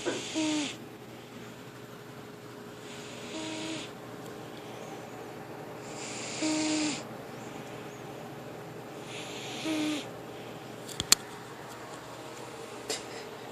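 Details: Sleeping pet cat snoring: soft, breathy snores with a faint tone, about every three seconds (roughly 20 breaths a minute).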